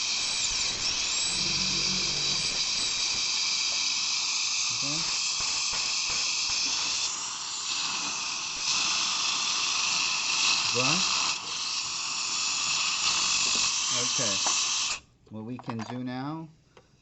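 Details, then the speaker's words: Steady high-pitched whine of a high-speed dental drill with water spray hiss and brief pauses, cutting tooth number 20 on a training manikin during simulated composite filling practice. "and then we're going to go ahead and start drilling let's turn it on"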